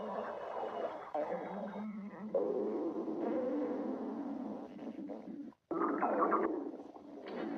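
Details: A girlfriend's stomach growling: long, continuous rumbling and gurgling with a brief silent gap, from gas and fluid moving through the gut; borborygmi.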